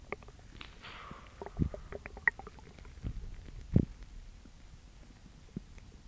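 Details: Quiet, scattered gurgles and a few low rumbles and pops from the belly of a girl with an upset stomach: bowel sounds of stomach growling.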